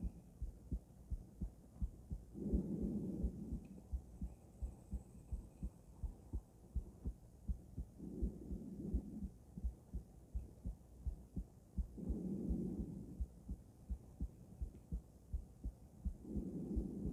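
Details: Normal heart sounds of a female, auscultated with various stethoscopes at Erb's point, mitral, tricuspid, aortic and pulmonic areas: steady heartbeat about 85 a minute with a low hum swelling and fading every few seconds.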